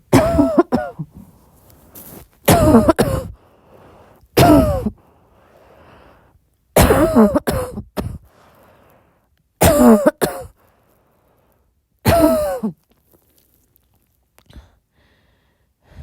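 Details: Repeated soft coughing at midnight: six bouts of short, throaty coughs spaced a few seconds apart, some with throat clearing.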